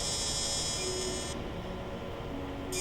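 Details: Fractional CO2 laser (Total FX) skin resurfacing, live demonstration on a patient near the eyelid margin with eye protected: steady high electronic buzz that cuts out midway, over room hum.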